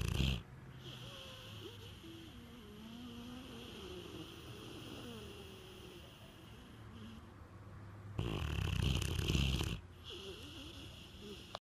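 Low rumbling snore from a sleeping dog, with a brief louder snorting breath, over steady room noise.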